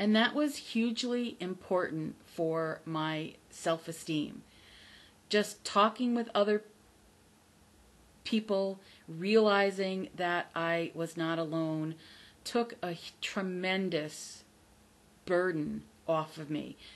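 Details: Adult woman who stutters, not recovered from stuttering but from the fear of it; says her stutter is audible on careful listening; stuttering.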